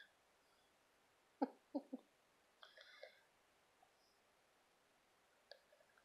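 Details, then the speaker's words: Hiccups in a little child: three short, sharp, squeaky voiced catches in quick succession, likened to the squeaky Toy Story aliens, followed by small vocal sounds. "sound like the little squeaky aliens from Toy Story. You know that? That's what you sound like. Mean old hiccups."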